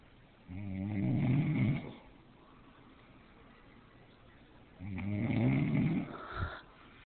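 Two loud, low rattling snores on breathing in, separated by a quiet pause; ordinary snoring.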